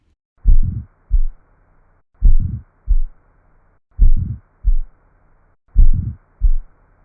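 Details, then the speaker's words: Teaching recording of aortic stenosis: slow heart sounds with a harsh crescendo-decrescendo murmur between S1 and S2, from turbulent flow through a narrowed aortic valve. "narrowing of the aortic valve creates turbulent flow through the aorta it is this turbulent blood flow that produces our Crescendo decrescendo murmur"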